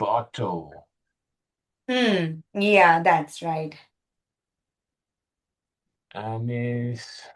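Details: 65-year-old male with Broca's aphasia in a real tele speech therapy session on word retrieval; non-fluent, effortful speech with word-finding difficulty; Broca's aphasia.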